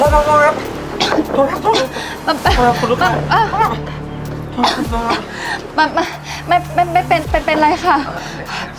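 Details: Acted stuttering by a female character in a comedy skit, said to be not from birth but from a lack of self-confidence; stuttering (acted).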